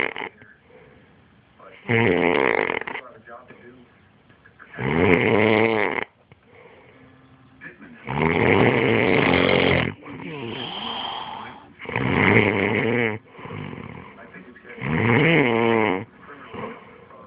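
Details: Person with a self-described snoring problem, asleep: loud, rattling snores in regular cycles, about 19 breaths a minute, with quiet gaps between; heavy snoring.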